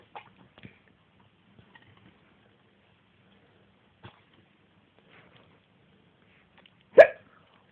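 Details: Sister hiccupping: quiet room with about four abrupt, sharp hiccup catches, the last one loud.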